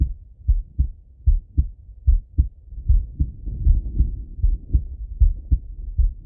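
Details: Male heart auscultation, self-recorded partly sitting at a desk and partly lying in bed: steady lub-dub at about 75 a minute, regular rhythm; normal heart sounds.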